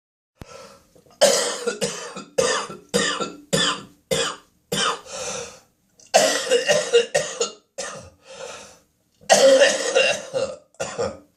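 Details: Adult woken at 4 a.m. by an early-morning coughing spasm with gagging and spitting: three runs of harsh, forceful coughs in quick succession, with strained gagging between bursts.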